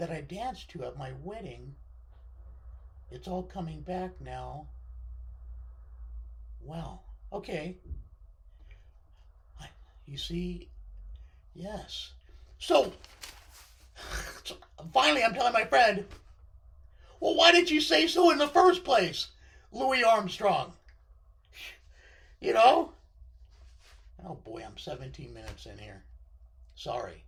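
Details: Male speaker with left-sided vocal cord paralysis following surgery, which limits his voice control; vocal cord paralysis.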